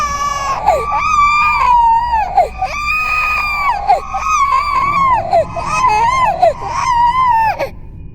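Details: Designed horror sound effect, not a real infant: continuous high-pitched wailing ghost-baby cries, pitch falling at the end of each, built from layered ambience, reversed textures, distortion and cinematic processing; simulated infant cry.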